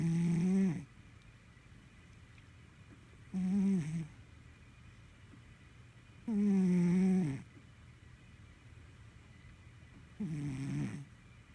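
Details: Sphynx cat asleep, with loud, low, rumbling snores on each breath, about 18 per minute, and quiet gaps between; cat snoring.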